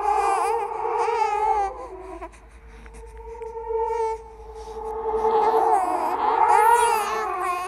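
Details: Simulated ghost baby crying and laughing from a horror sound-effect compilation: rising and falling infant crying with babbling over an eerie music bed; infant cry.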